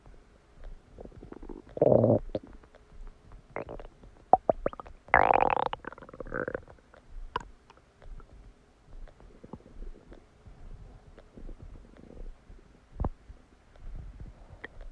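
Loud gurgling and rumbling bowel sounds in irregular bursts, typical normal digestive borborygmi after a meal.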